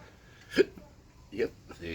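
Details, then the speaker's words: Hiccups starting after eating a very hot gummy, with burning felt behind the nose and down the throat: two short, abrupt throat catches about a second apart in a quiet room, after a throat clear. "Oh, pardon. My apologies. I can feel hiccups coming."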